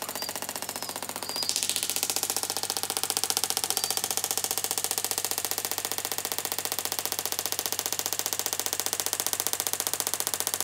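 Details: Steady, rapid clicking pulses at about two per second from an extracorporeal shock wave therapy device during a 13-year-old quarter horse mare's third treatment; she is intermittently lame for months and much improved.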